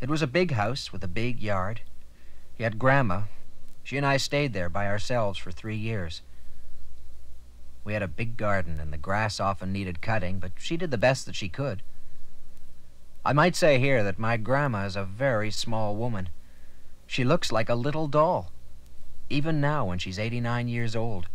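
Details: Adult man narrating; ordinary speech.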